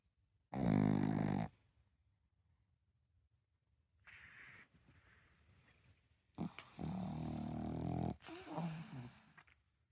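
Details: Sleeping pug snoring: loud rattling snores with quieter breathy snorts between them, typical of a flat-faced breed.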